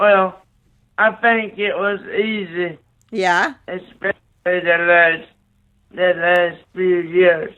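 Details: 27-year-old man with cerebral palsy after neonatal brain bleed and stroke, born three months premature after a car crash; right-sided paralysis, blindness, seizures; slow speech with dysarthria (cerebral palsy)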